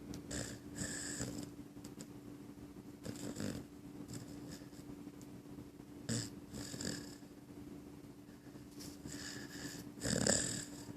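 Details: Sleeping puppy in a quiet room with light, fluttering snores on each breath, about five or six a minute; snoring.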